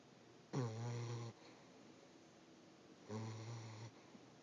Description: Our boxer/pitbull mix puppy Artax snoring quite loudly.